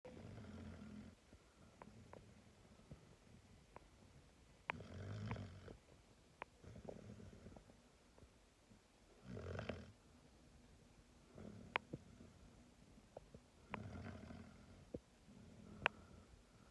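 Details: 5-month-old Boxer puppy asleep in owner's arms, worn out after long park play: soft, irregular snuffling snores, about 15 a minute, with faint clicks and low room noise; dog snoring.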